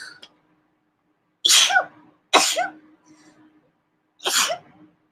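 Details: Three sharp, explosive sneezes, two in quick succession then a third, each with a short voiced tail; sneezing.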